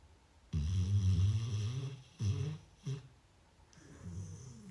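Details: Pet dog Puchu sleeping under her quilt with a toy sheep at 2:30 at night: low, rumbling snores of varying length with quieter breaths between; ordinary snoring.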